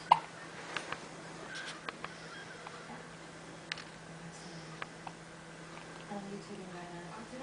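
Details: Faint, brief, sharp catches repeating irregularly, about eight in seven seconds, in a quiet room: repeated hiccups.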